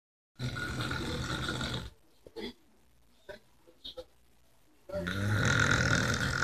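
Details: Man snoring: loud, deep, rattling snores on breathing in, separated by quiet pauses with small mouth noises; heavy snoring.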